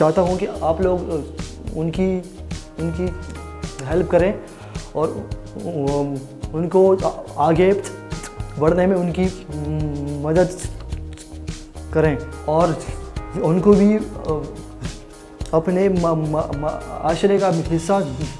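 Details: Adult man speaking Hindi/Urdu who has stammered since childhood, worsened after other children laughed at him; stuttering.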